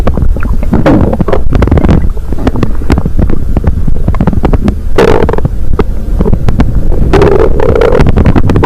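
Loud, deep, continuous rumbling with crackly gurgles, partly buried in heavy low rumble from microphone handling; ordinary stomach growling.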